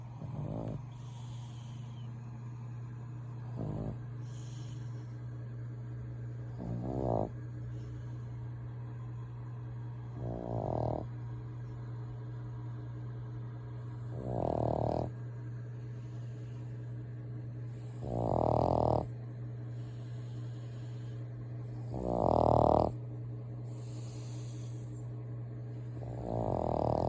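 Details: A sleeping dog snores in a regular rhythm, about 16 snores a minute, over a steady background hum: snoring.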